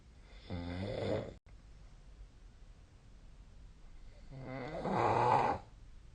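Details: Snoring during sleep, recorded with a snoring app: two loud, rattling snores about four seconds apart, rough and buzzing on inspiration, quiet breathing between.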